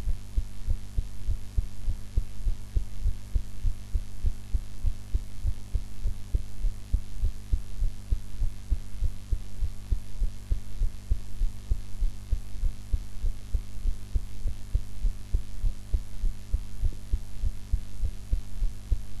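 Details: Steady, regular low thumping heartbeat at about 100 beats a minute over a constant low hum, self-recorded after eating in a different posture from usual: normal heart sounds.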